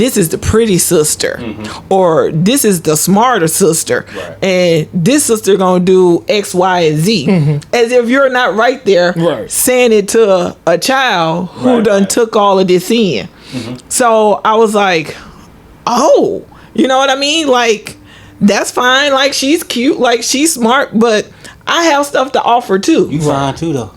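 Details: Adult woman speaking; normal speech.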